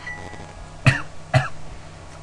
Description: Notes: Recovering from a cold, so I'm coughing and sound a bit crappy.